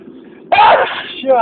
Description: I'm back with a new video with a lot of sneezes and wind (I love the wind)...enjoy!!!!!